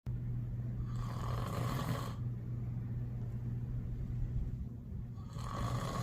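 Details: Adult man, a father, snoring loudly while asleep: continuous low rumbling snore with two harsher, noisier breath phases; snoring.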